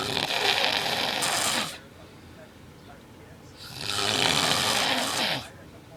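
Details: Two long, loud, harsh rattling snores separated by a quieter pause, from an adult man described as snoring severely during sleep.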